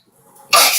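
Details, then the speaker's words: Sneezing demonstrated in a kitchen as one of three ways to sneeze (around friends, around boys, by yourself): a short indrawn breath followed by a sudden loud hissing burst, a single sneeze. "Today we're gonna do today my video is about 3 ways to sneeze."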